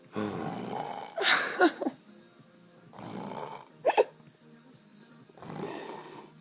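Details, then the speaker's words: Three loud, rattling snores at irregular intervals with gurgling snorts between, over quiet background music, from an adult man sleeping deeply the morning after a night out who can't be woken; snoring. "honestly been trying to wake this cunt up so fucking long. It's not stop snoring, man. It's doing it weird as. Sounds like you're gonna stop breathing, cunt."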